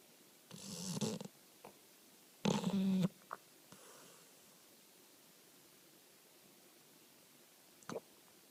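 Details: A pit bull rescued from the street two months earlier, snoring and sleep-talking: two loud, rough snoring breaths, then brief soft snuffles and a small vocal sound; ordinary dog snoring.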